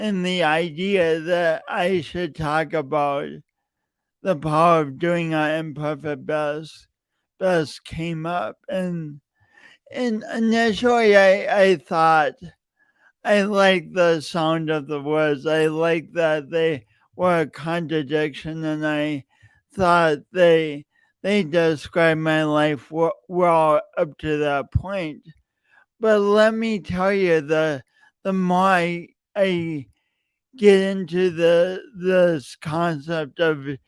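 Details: Speech impediment (disfluent speech) in an adult male podcast host, long-standing and denied for years; repeated words throughout his speech.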